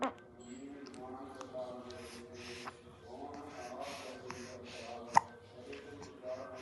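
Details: Baby with soft music playing behind: a few brief, sharp catching sounds, one clearly louder than the rest, infant hiccups.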